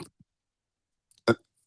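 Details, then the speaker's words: Persistent hiccups in an adult man 8 days after intubation for double hip replacement surgery, heard while he is in a rehab hospital: a single short, abrupt voiced hiccup preceded by faint clicks. "So, and I apologize to everybody for the hiccups, the intubating. I've been dealing with these for 8 days now."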